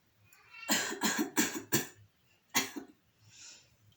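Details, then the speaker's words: Simulated nursing lab practice: a quick run of about five short, dry, deliberate coughs as a splinted coughing exercise, with the client's hands or a pillow over the incision after deep breathing. "yeah for coughing if we are supporting to the client with the pillow so we can wear the glove as well as we can ask the client uh to cover uh with the uh tissue uh their nose and mouth"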